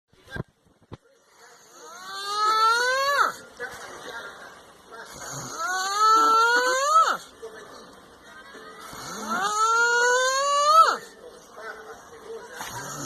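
Rhythmic drawn-out moaning, whistling snores that rise in pitch and end abruptly, about 15 a minute, with quieter breathing between; loud snoring.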